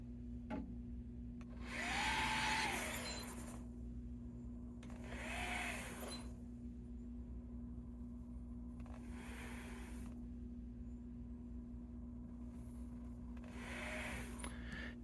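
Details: Hamilton T1 ventilator running BiPAP (pressure support 5, PEEP 5, 100% oxygen): steady machine hum with four whooshing airflow bursts, about one every four seconds, delivering non-invasive pressure-supported breaths.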